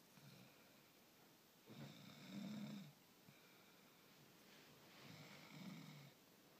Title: snoring